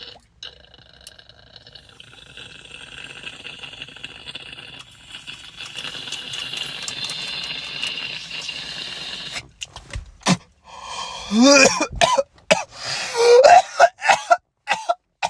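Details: Adult man in a car: a long, soft crackling inhale, then a run of about eight harsh, partly voiced coughs.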